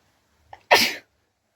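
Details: Sneezing challenge without a hanky, attempting repeated sneezes induced with a piece of paper: a short in-breath followed by one sharp, explosive sneeze in a quiet room.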